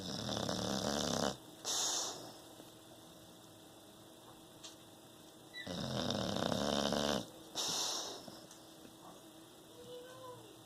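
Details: Snoring likened to a former roommate's: two loud, rasping snore cycles, each a long in-breath snore and a shorter out-breath, with room hum behind.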